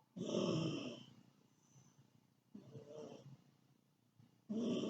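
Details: Person snoring, recorded 9/28/2015: short, raspy, whistling snoring breaths in a quiet room, about one every two seconds.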